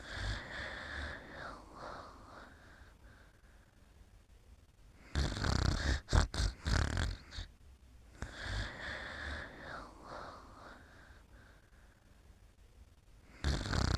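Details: Rhythmic rough snores with snorting bursts during sleep, roughly every few seconds; ordinary snoring.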